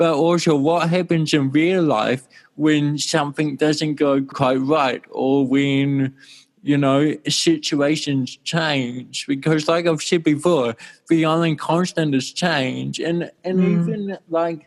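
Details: Adult male with cerebral palsy since birth in 1984; dysarthria (cerebral palsy).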